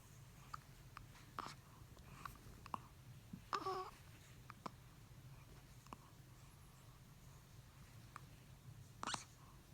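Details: Infant hiccups: about a dozen soft, brief hiccup catches in ten seconds at irregular intervals in a quiet room.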